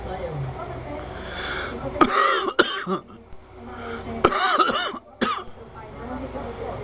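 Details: A person coughing: two short bursts of harsh coughs, each of two or three coughs, against steady room noise.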